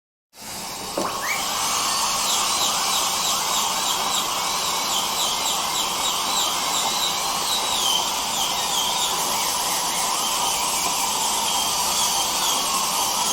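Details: Dental drill sound-effect recording: a high-pitched steady whine with rising squeals over the hiss of dental suction.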